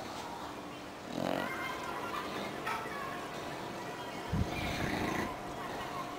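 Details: Snoring from a sleeping English bulldog: snorting, rattling breaths with a grunt over steady room noise.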